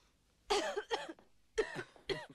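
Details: Adult woman giving four short voiced coughs in two quick pairs, acted in a film scene where a doctor examining her asks her to cough; a plain cough.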